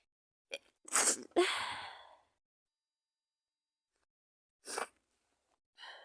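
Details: Person with a bad cold and fever, sneezing and coughing in bed: a sharp in-breath, an explosive sneeze with a trailing exhale, then a couple of softer sneezes or sniffs.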